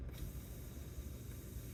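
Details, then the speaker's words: Wall suction regulator just switched on and set to 120 during a tracheostomy suctioning and trach care protocol demonstration: steady low rumble with a faint hiss, running normally. "now you can automatically hear that noise right now it says 120."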